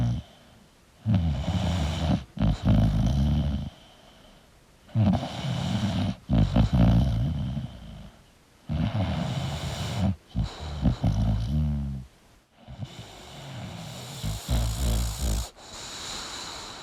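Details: Sleeping English Bulldog snoring: loud, rattling snorts on each breath, with quiet gaps between the noisy bouts.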